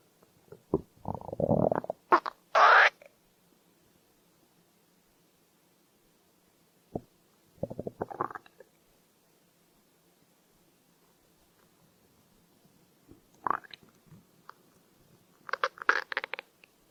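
Several separate gurgling, squeaky growls with quiet gaps between; ordinary hunger rumbling of the stomach.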